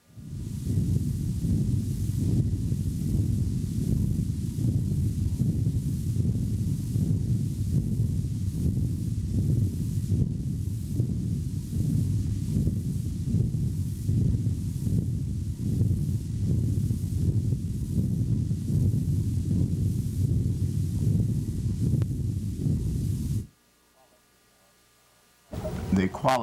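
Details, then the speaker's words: Stethoscope over the pre-auricular region lateral to the mandibular ramus: continuous low rushing whoosh pulsing about 77 a minute between heart sounds, bruit of a congenital arteriovenous fistula in the infratemporal fossa/jaw fed by the carotid. "between the normal heart sounds there is a gush uh that is sort of overriding uh the entire uh sound series and it represents the communication between the arterial side and the venous side through a fistula"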